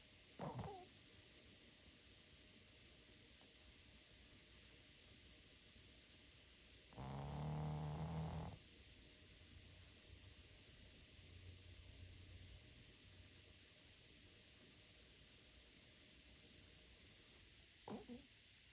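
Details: Shih Tzu dog sleeping, a single low, rumbling snore against quiet room noise with faint sounds at start and end; snoring.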